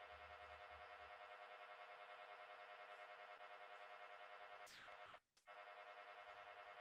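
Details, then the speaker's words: Loud, steady buzzing drone with fast repeating pulses, briefly broken by a sweep and a short gap; the very loud noise heard throughout a magnetic resonance imaging (MRI) exam. "lo cierto es un examen muy ruidoso hay un ruido durante todo todo el examen"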